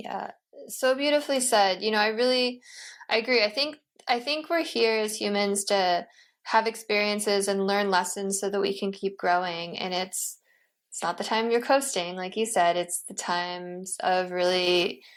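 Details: Adult woman speaking; ordinary speech.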